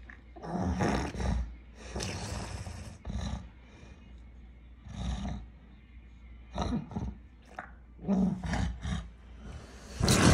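Repeated deep, harsh snoring-like grunts and groans in irregular bursts, fitting noisy stertorous breathing during a tonic-clonic seizure.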